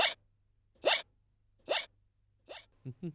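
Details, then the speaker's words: Simulated hiccups from a puppet character in a Hindi children's show: sharp, abrupt voiced gulps about once a second, attributed to a dry throat, with advice to drink water. "गलास सूखने से तुम्हें हिचकी लग गई है थोड़ा पानी P ले तेरी हिचकी चली जाएगी"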